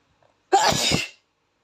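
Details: Boy said to be allergic to flowers, sneezing after sniffing a flower: brief quiet inhale then a single abrupt, explosive sneeze; sneeze.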